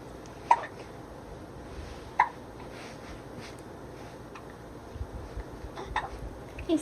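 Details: A young child with hiccups; short, abrupt hiccup catches at irregular intervals against room noise and faint voices.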